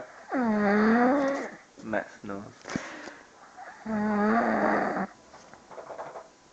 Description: He really snores.